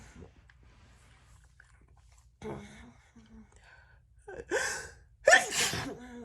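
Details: Adult woman feeling unwell, producing sneezes for her channel: a quiet stretch, then a sharp indrawn gasp and a loud, wet, explosive sneeze.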